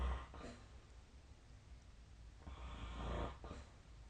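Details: Adult sleep snoring recorded with the SnoreLab snoring app on 2024/12/26: two rough, low snoring breaths separated by quiet pauses, with faint room noise.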